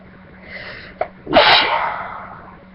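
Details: A soft preparatory inhale and catch, then one strong sneeze with a fading breathy release; person reports feeling very sneezy.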